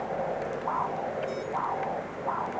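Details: Rhythmic whooshing pulses, about three in under three seconds, over a steady hiss, from a Mindray Z5 color Doppler ultrasound in veterinary use: pulsed-wave Doppler audio signal tracking blood flow with each beat.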